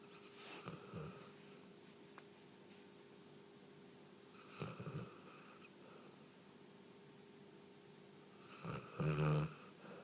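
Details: 3-year-old female Newfoundland dog asleep: low, soft fluttering snores about every four seconds (roughly 15 per minute) over a steady background hum.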